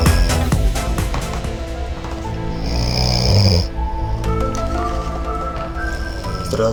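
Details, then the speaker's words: Loud rasping snore from a peacefully sleeping person, filmed as a comic nature-documentary parody sketch over background music; snoring. "яркий представитель вида тирус гайнулино го черта это то что в летний день он обычно очень громко храпит это у него наступает именно в период брачных игр"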